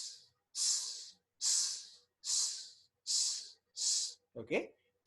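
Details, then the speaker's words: Vocal imitation by a lecturer of a mitral regurgitation pansystolic murmur at the apex radiating to the axilla: repeated long, even hissing whooshes filling each beat. "Okay. So pancystolic murmur apex radiating to the axilla. Okay. may radiate to the left lower sternal edge but that is only if the posterior material is in usually it's anterior leaflet moves to the moves to the axilla otherwise it radiates to the left and it sounds like this"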